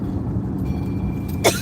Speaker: Can I have one of them? Because I got a dry cough.